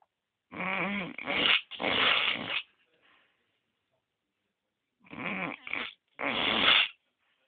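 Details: Sleeping dog: two breathing cycles of loud, whistling, tonal snores, each made of several rasping segments, with quiet pauses between; snoring.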